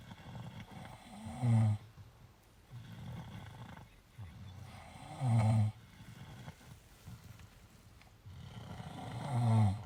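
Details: Deep, rumbling snores at about 15 breaths a minute, each ending in a louder low snort with softer breathing between, from two sleepers resting after a long walk; snoring.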